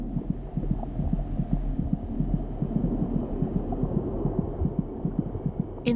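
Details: Fetal tachycardia in a fetus at 26 weeks' gestation.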